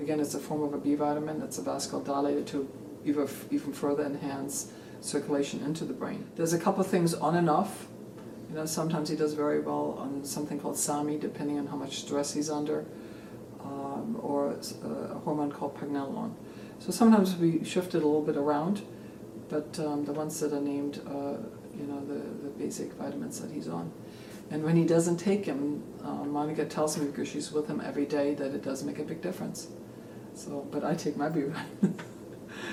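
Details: Adult man speaking; ordinary speech.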